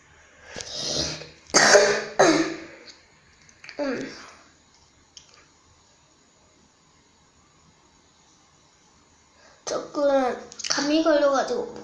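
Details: A few short coughs and throat clearing mixed with quiet speech, then a long pause, from someone with a cold; coughing with a cold.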